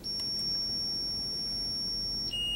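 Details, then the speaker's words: Zoll R-Series defibrillator charging tone during training on synchronized cardioversion, sync mode on and energy set to 75. A steady high-pitched electronic tone shifts to a lower tone near the end as the charge completes. "so you'll hit this SN button and then you can charge so I'm going to um double check that I'm synced by looking at that little white ball bouncing along the r waves"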